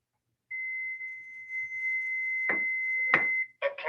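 A steady high electronic tone from a training defibrillator switching on, with a couple of handling clicks and the start of a voice prompt.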